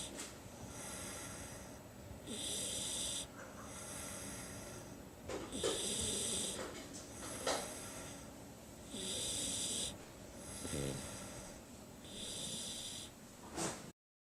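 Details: Young male puppy snoring loudly while asleep: regular snores with hissing, whistling breath sounds, about 18 breaths a minute. The audio was recorded separately from the video.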